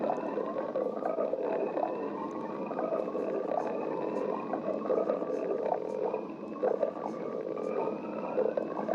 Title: Sticks the badger stomach growling 7